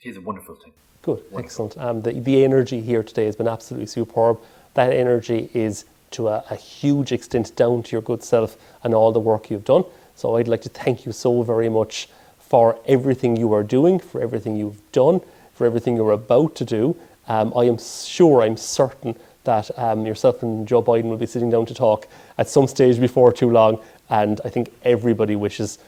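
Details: Adult male speaker; normal speech.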